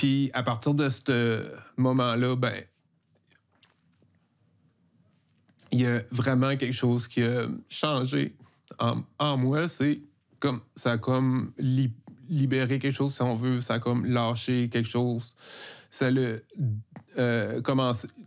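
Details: Adult man who stutters, with stuttering that fluctuates; he joined a stuttering association at age 42. Finding: stuttering.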